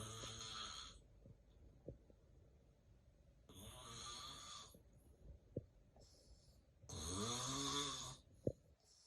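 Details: Real, unplanned, self-recorded daytime nap of a person prone to extreme daytime sleepiness: loud rasping snores and heavy breathing with silent gaps of two seconds or more, then a louder resuming snore; snoring with apnea-like breathing pauses.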